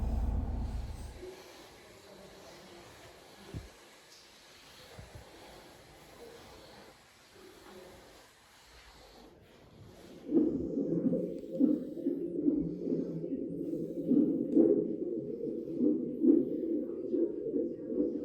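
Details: Fetal heartbeat at 31 weeks of pregnancy on Doppler at a prenatal check-up: after a quiet stretch, a fast, whooshing pulse of about 136 beats a minute.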